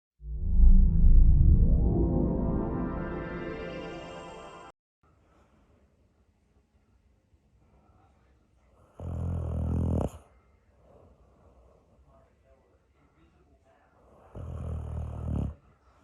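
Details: A long loud rumble, then two shorter harsh snorting breaths several seconds apart with silence between; a female dog snoring.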